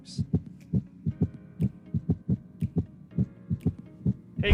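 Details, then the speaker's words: Simulated heart sound from a VR nursing auscultation teaching app: adult heartbeat about 68 a minute with a murmur added to normal heart sounds; quiz choices offered were S3, S4 or a holosystolic murmur. "now let's answer that question we first asked you guys so what heart sound is this now I'll give you a hint this is a murmur"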